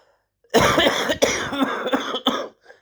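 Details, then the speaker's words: Adult with a chesty mucus cough, lost voice, blocked aching ears and blocked nose: a short run of harsh, rattly coughs, fitting a productive chesty cough. "I have no will to live because my future's scary and I've got this terrible cough now I feel so low like I've lost my voice"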